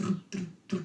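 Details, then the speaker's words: Voiced imitation, not a real recording, of a gallop rhythm in a basic cardiac anatomy lecture: when both S3 and S4 are present, extra heart sounds join the normal two, giving a three-beat gallop. "if both of those are present s3 and s4 we call that a gallop we call that sound a gallop"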